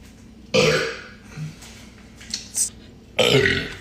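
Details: A man's burps: two loud, short burps separated by a few seconds, with quiet room sound between.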